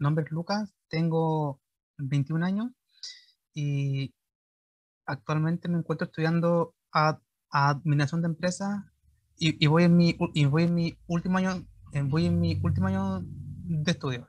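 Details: 21-year-old Chilean man speaking Spanish, real recording, who underwent speech therapy for his stuttering; stuttering.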